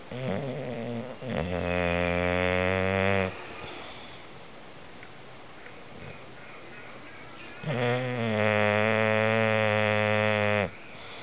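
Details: Snoring during a nap: two long, loud, buzzing tonal snores with quieter breathing between.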